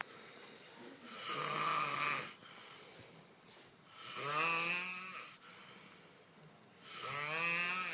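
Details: Man snoring: three loud, rattling, buzzy inhalations at about 21 per minute with quiet pauses between.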